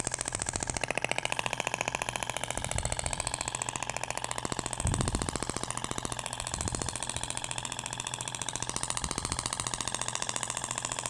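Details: Rapid, steady mechanical tapping, about 15 pulses a second, over a continuous motor hum: Thork shockwave handpiece with a stainless steel tip, which sounds different from the polyacetal tip, firing over the abdomen while avoiding the navel in a live training demo.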